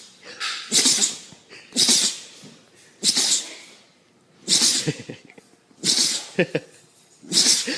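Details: Dog sneezing: six sharp, hissing nasal bursts about a second apart.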